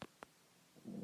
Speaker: That was my stomach rumbling.